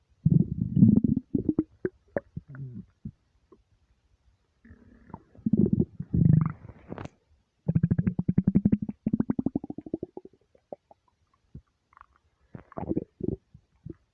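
Long, deep, drawn-out gurgling rumbles in bursts, some with a rising pitch; normal stomach growling from an empty stomach.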